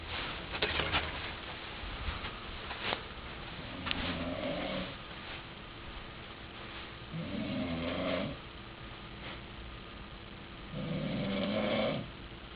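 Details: Robert snoring: three loud, rattling snores about every four seconds, roughly 15 breaths a minute; snoring.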